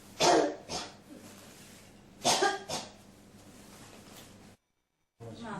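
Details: An adult coughs in two bursts of two harsh coughs each: a persistent cough that will not stop.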